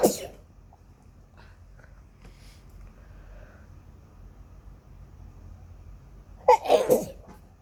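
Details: Sneezing, person desperate to sneeze: a sharp burst opens, then a quiet stretch with faint breaths, followed by a forceful two-part sneeze near the end.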